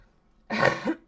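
A single short cough runs straight into a throat clear from an adult, with a quiet room behind.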